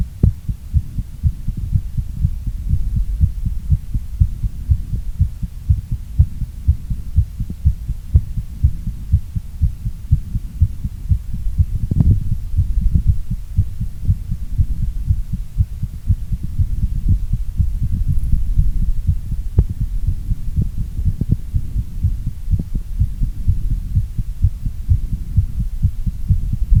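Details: Heartbeat recorded during a workout and a short recovery: fast, steady, low heart thumps around 120 a minute during exertion, a normal rise in heart rate. Exercise-induced tachycardia with recovery.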